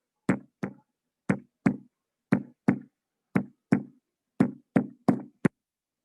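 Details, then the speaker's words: Improvised imitation of premature ventricular contractions (ventricular extrasystoles), given in a teaching session on surgical risk: paired knocks at a steady heart rhythm, then beats coming early and crowding together. "más o menos eso es lo que se escucharía en un extra sistema ventricular"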